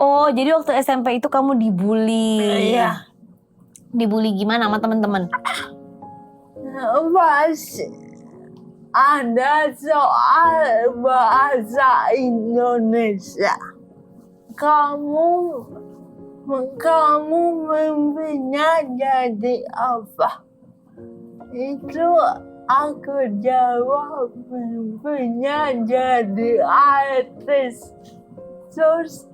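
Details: Adult woman with cerebral palsy, with gross and fine motor limitations; dysarthria (cerebral palsy).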